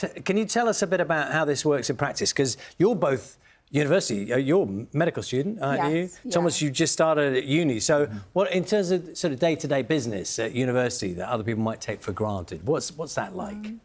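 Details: Adult male speaker; fluent speech.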